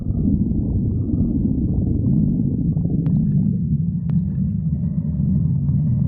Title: Pan stomach growling 45